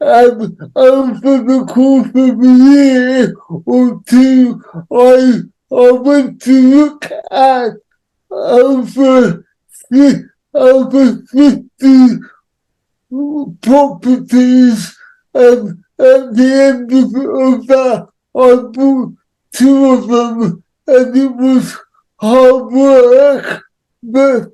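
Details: Adult man with cerebral palsy who says he cannot say some words; speech largely unintelligible to automatic transcription; dysarthria (cerebral palsy).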